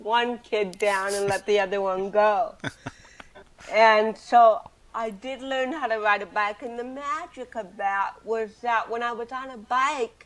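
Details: Adult woman with cerebral palsy since birth, also hearing impaired and wearing hearing aids, speaking in an interview; dysarthric speech associated with cerebral palsy.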